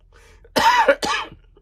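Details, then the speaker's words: Adult still recovering from COVID gives two short, harsh cough bursts while talking; post-COVID cough. "so I'm kind of still in covet Central I might cough that's okay I could edit it out"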